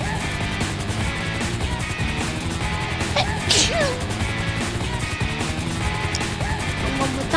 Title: 재채기 소리가 귀여운 사람